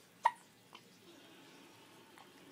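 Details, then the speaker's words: One-week-old baby boy with hiccups after just being fed: one sharp little hiccup followed by a fainter catch in a quiet room. "we just ate so now we're just hanging out pretty content little baby ex the hiccups get on his nerves yeah drive you crazy won't they they drive you crazy yeah"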